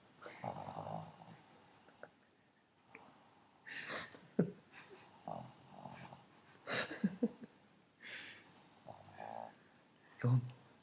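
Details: Pug asleep on a sofa: irregular snorts, grunts and rattling breaths through a crowded nose and throat, with short snuffles; flat-faced dog snoring.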